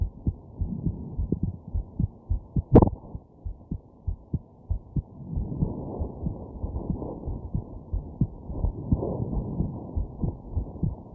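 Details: Steady low heartbeat thumps at roughly 80 a minute with one sharp hiccup jolt and a faint hum of congested breathing; recorded while lying down sick with a stuffed nose and hiccups; normal heart sounds.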